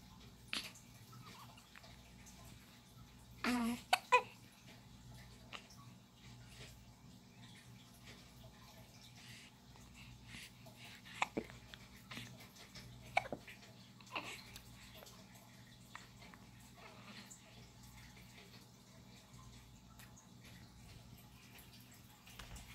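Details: Four-day-old newborn boy gives a handful of brief, soft hiccup sounds at irregular intervals in a quiet room: hiccups.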